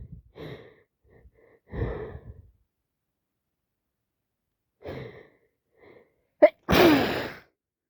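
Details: Person with a cold sneezing repeatedly all day, with several breathy build-ups and expulsions ending in one sharp, explosive sneeze.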